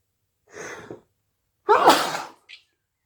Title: Induced hayfever sneezes